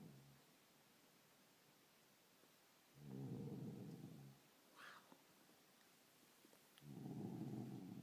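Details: Soft, low, rumbling snores recurring every few seconds over a faint background hiss, from a person asleep; snoring.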